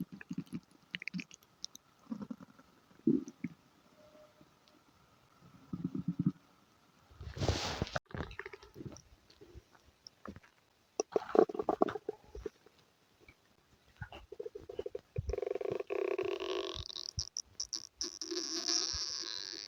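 Irregular gurgles, squelches and rumbles from the belly, with a longer hissing, gassy stretch near the end; ordinary bowel sounds.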